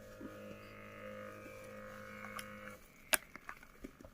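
Steady motor hum of a blood pressure monitor pumping up its cuff, stopping abruptly, followed by clicks and soft handling noises.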